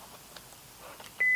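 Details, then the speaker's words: Philips OnSite AED demonstration in pediatric/infant mode (cartridge for victims 55 lb or less), pads front and back on chest: steady electronic alert tone after quiet pause, shock advised, stay clear, shock delivered, then prompt to begin CPR. "shock advised stay clear again we make sure everyone clear the flashing orange shock delivered be sure Emergency Medical Services have been called"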